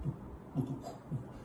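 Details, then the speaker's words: Vocal imitation of auscultation in a congenital bicuspid aortic valve: an early systolic ejection click as the valve opens, followed by an ejection systolic murmur; the click is said to be best heard at the apex. "وهو بيفتح كمان يطرقع ويعملي ايجيكشن كليك احنا قلنا الاكشن يك تيجي فين اهو ادي ال سون ورا من الاكشن يك مع الطالعه ال سكشن كليك الاتنين مع الطلعه"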